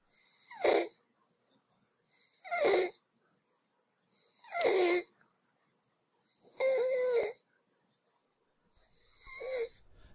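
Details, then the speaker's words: Child with inspiratory stridor from swelling of the upper throat, a dangerous sign when calm: harsh, high-pitched crowing on each breath in, about 30 a minute. "Stridor occurs when there is a swelling of the upper part of the child's throat. A child who has stridor when calm has a dangerous condition. Listen for stridor when the child breathes in."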